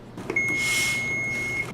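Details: Simulated pre-hospital cardiac arrest skills station (CPR/AED training): after AED pads are attached during single-rescuer CPR, the defibrillator switches on with a steady high electronic tone lasting over a second.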